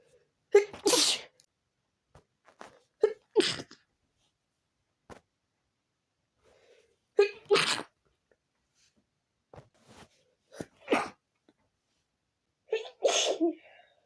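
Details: Sudden uncontrollable sneezing fit: five loud sneezes in rapid succession over about 14 seconds, quick inhalations before each.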